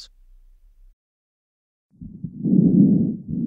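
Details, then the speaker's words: Quiz recording of normal vesicular breath sounds: soft, low rustling breath sound rising after a quiet pause. "suara nafas yang normal."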